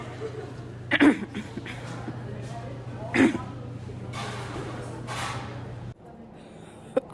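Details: Two short, harsh cough bursts from an adult sick with the flu, over a steady low electrical hum.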